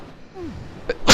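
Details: Adult sneezing during a gameplay recording: a sudden loud, hissing burst at the very end, the onset of a sneeze, cut off abruptly.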